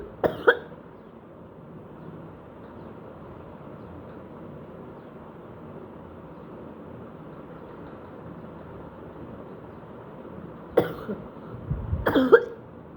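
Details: Productive cough just after waking in the morning with a hoarse voice: a few harsh, throaty coughs with hawking and spitting phlegm into a bowl, the phlegm less thick than the day before.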